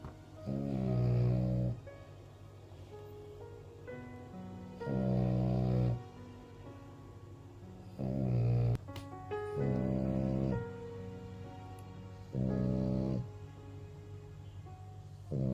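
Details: Sleeping French Bulldog (female) snoring: slow, irregular snores, about 14 a minute, with soft piano music in background; snoring.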